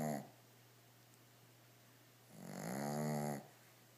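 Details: Shih tzu dog sleeping on his toys, snoring loudly: two loud, buzzing, nasal snoring breaths with a quiet pause between, a noisy vibrating sound on breathing in; snoring.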